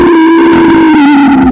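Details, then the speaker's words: Continuous, musical high-pitched wheeze with slowly falling pitch, from airway obstruction as in asthma, COPD or bronchitis. "Ahora vamos a escuchar la sibilancia, la cual son unos sonidos agudos y crónicos, las cuales son más frecuentes por obstrucciones de vías aéreas."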